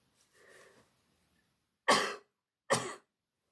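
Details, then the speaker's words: Voluntary braced cough demonstrated by a nurse for people with osteoporotic spinal fractures, hugging a cushion against the chest and leaning forward slightly: soft breath in, then two short, deliberate coughs. "And as you cough, you can brace your arms, and that reduces some of the jarring on your back."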